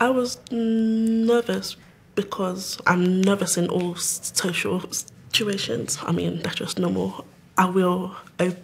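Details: Stammer (stuttering) in a woman aged nearly 25, attending an intensive four-day stammering course.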